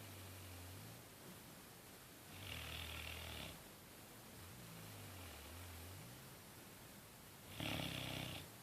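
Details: Soft, low snores rising and falling over steady background hiss, with two louder, rougher snores; snoring recorded 08/01/2013.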